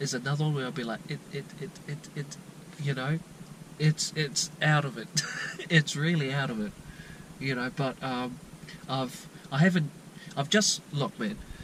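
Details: Lifelong stuttering since childhood in a 22-year-old man from New Zealand, never treated, with repetitions and blocks mostly at the beginnings of words.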